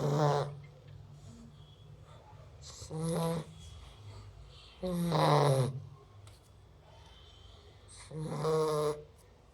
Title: Cute Labrador retriever puppy snoring.